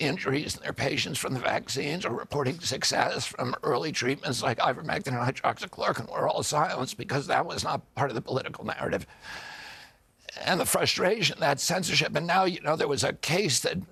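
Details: Adult man; onset at age 42 after a 1996 injury; nerve signals make his vocal cords tighten constantly; surgery in Kyoto about eight months earlier, now alternative therapies; strained, rough voice; spasmodic dystonia.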